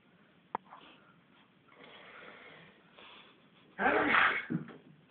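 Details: Drunk old man who fell over and couldn't get up: a loud single sneeze after a short noisy in-breath, followed by a brief snort, with room noise around it; sneezing.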